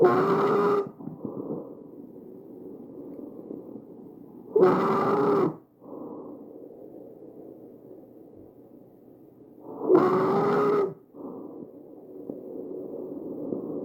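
Loud, harsh, high-pitched musical breath sounds recur about 13 times a minute, with quieter rushing airflow between them. This is tracheal stridor, a noisy sound of air forced through a narrowed upper airway or windpipe.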